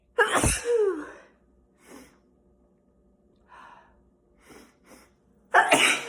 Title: Collection of sneezes